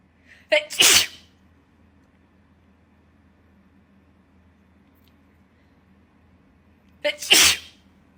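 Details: Two sharp sneezes, each preceded by a quick inhale, a few seconds apart, set off by a COVID-19 nasal swab test: swab-induced sneezing.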